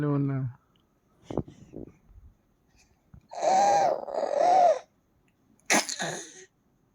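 An infant gives a brief voiced sound, then several short harsh coughs, some with a hoarse vocal edge, in a quiet room.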